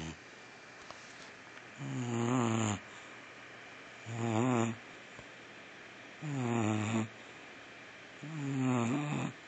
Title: Boxer snores